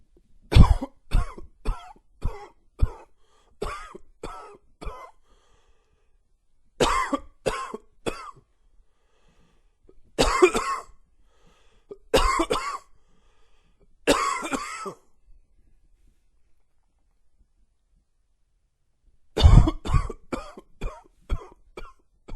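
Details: A dry wheezy cough: repeated short, dry coughs in quick runs with a faint wheezy edge between bursts.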